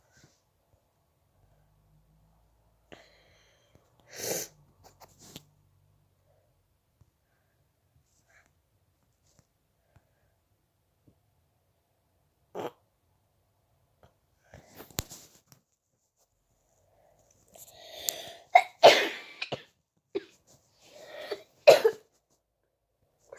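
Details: Scattered short, harsh coughing bursts, several clustered near the end, in a quiet room.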